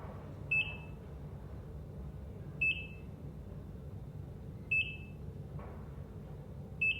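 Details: Short high beeps at a slow, steady rate of about 29 per minute over low room hum: ECG heart monitor beep sounds.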